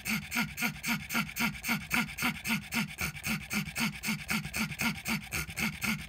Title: pug wheeze